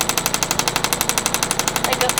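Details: Radial shockwave therapy device with a medium tip applied bilaterally to the top of the shoulder for shoulder pain, pressure about 6/10: rapid, regular sharp tapping pulses at about eleven per second.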